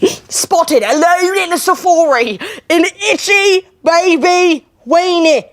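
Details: 21-year-old woman with Tourette syndrome with coprolalia (vulgar or inappropriate vocal tics); Tourette syndrome vocal tics.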